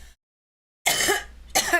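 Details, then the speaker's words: Adult with a weak immune system after antibiotics, suspecting a viral infection with ear ache, demonstrates a dry cough: two short, harsh, dry bursts like throat clearing, no rattle. "And that lets in, you know, little viruses like I I probably have like that's where the ear ache and the cough, the dry cough."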